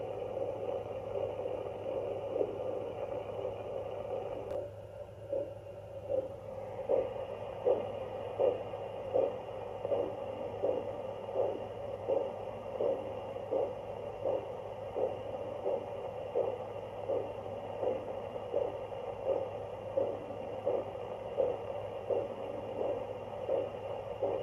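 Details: Handheld fetal Doppler demonstrating it picks up any body sounds, not only fetal heartbeat: regular pulsing whooshes about 82 a minute over a steady hum; Doppler-detected body pulsations.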